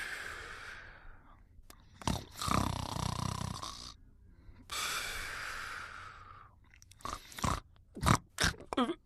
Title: Einstein Sleeping and Snoring in 1 Minute & 15 seconds